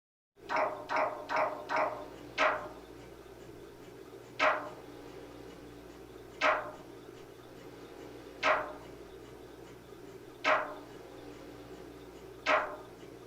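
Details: MRI scanner noise: loud knocking, first a quick burst of five knocks, then single knocks every two seconds over a steady hum. This is a sample sound to prepare patients, including children, for a scan.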